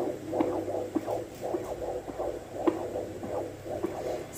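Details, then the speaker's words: Doppler at 28 weeks of pregnancy: pulsing whooshes of placental blood flow over a steady hum, blending with the fetal heartbeat as the probe is moved to find the baby's heart; rate up to about 150 with good variability, baby moving. "you can hear the placenta and the Baby heart I'm move over This side to Just get the baby Hearty"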